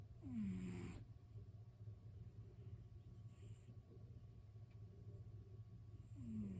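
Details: A sleeping cat snoring: soft, rumbling breathing noise with a faint squeak at the start of some breaths.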